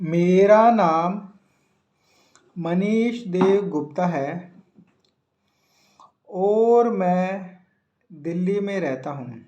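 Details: Hindi-speaking adult man from Delhi who self-identifies as a person who stammers, real stuttering.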